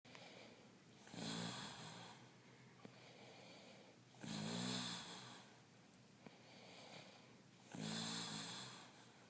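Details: Regular snoring at about 18 breaths a minute, each a low rumbling buzz with a hissing edge, with quiet breathing between snores.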